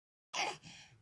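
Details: Sneeze from a child who has a cough and cold during extreme weather.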